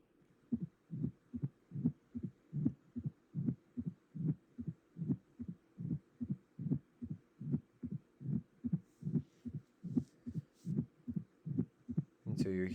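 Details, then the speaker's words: Diastolic murmur of mitral stenosis: regular heartbeat near 74 per minute with a distinct S1 and a low rumbling murmur in diastole, played as a teaching example. "hearing the distinct S1 and that's associated with mitral stenosis uh but there are several other reasons for a diastolic murmur that we'll discuss more in class"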